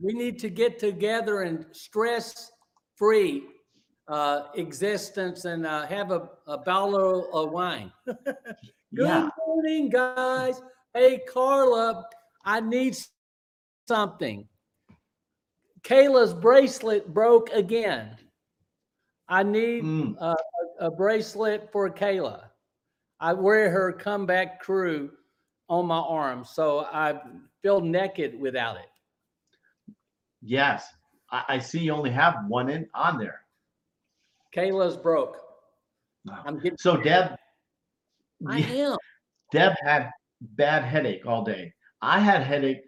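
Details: Aphasia in a stroke survivor about 9.5 years after the stroke, speaking during a live show.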